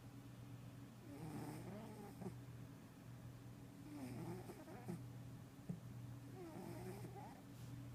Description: Caught my kitty sleeping and snoring!